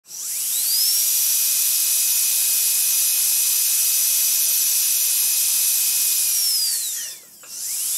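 A high-pitched whine spins up, holds steady at speed, then winds down and briefly restarts: a dental drill running.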